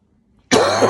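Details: Single sudden, harsh cough after quiet, from an adult speaker who is still sniffling and using tissues while talking; cough.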